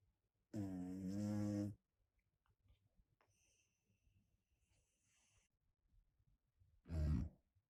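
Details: Cat with a nose problem giving two loud, buzzing snores about six seconds apart, with faint whistly nasal breathing in between; snoring.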